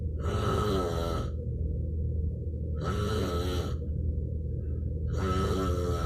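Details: Adult man (stepfather) asleep at 1am, no breathing equipment: loud, rough snores about every 2.5 seconds, roughly 24 breaths a minute, over steady low room hum; heavy snoring.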